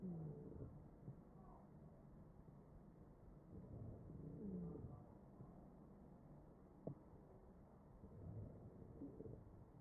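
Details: Real patient on a ventilator, chest auscultation; wheezing.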